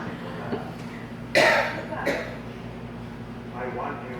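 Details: Child imitating an adult's cough: two short, forceful cough bursts then a softer throaty sound, over a low room hum.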